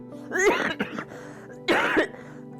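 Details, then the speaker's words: Two harsh, raspy, metallic-sounding coughs over faint music from a patient who has long had a metallic cough, breathlessness after little walking, and whistling, air-leaking sounds in the throat. "늘 쇠소리 같은 기침을 달고 살았다는"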